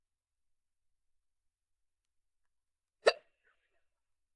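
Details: A girl getting hiccups; a single sharp, abrupt hiccup in near silence.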